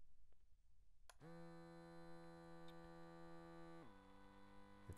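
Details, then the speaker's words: Steady electric pump whine, pitch then dropping: QardioArm automatic wireless blood pressure cuff inflating on an adult man's arm, real-time measurement after earlier positioning error; he says it is getting tight. "it's blowing up oh see my veins are popping trying to stay relaxed i'm trying to stay relaxed whoa it's getting tight"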